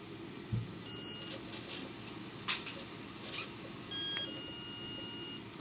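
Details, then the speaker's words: Two clear high-pitched electronic beeps from a dental curing light curing flowable composite in the deepest part of the prep, after two puffs of air, during a student composite restoration procedure; curing light beeps. "ok we are then going to sort of dry this by using two puffs of air and then we're going to cure it or two beads"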